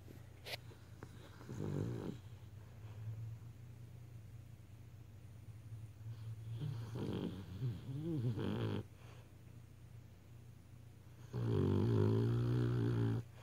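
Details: Sleeping beagle snoring: repeated rough, fluttering breaths growing louder toward the end over low room hum; dog may snore itself awake.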